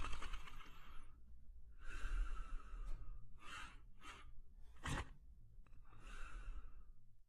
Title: Mr. German Shepherd Sleeping & Snoring in 1 minute & 14 seconds